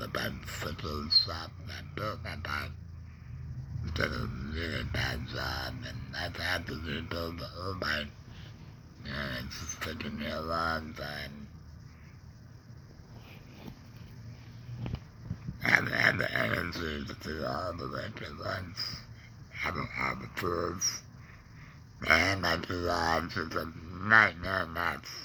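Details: Adult man with a laryngectomy after cancer (tongue cancer tagged), breathing through a neck stoma, with ongoing tongue pain and depression; alaryngeal speech.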